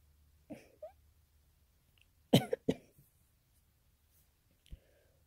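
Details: Person with a sore throat who thinks they are catching a cold, recorded while trying to sneeze from sniffing a peppered rose: a few short, sharp cough bursts with faint breathy sounds between, in a quiet room; cough.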